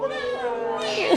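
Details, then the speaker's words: Newborn baby girl just after delivery: a loud, high-pitched wail with a rising pitch at the end; a strong, normal first cry. "Relax ka lang para makita natin si baby kita mo narinig mo na yung iyak niya"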